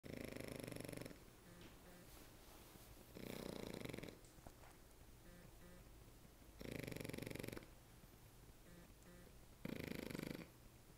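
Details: French Bulldog snoring while asleep: four rough, buzzing snores about every three seconds, roughly 20 breaths a minute, over steady room noise.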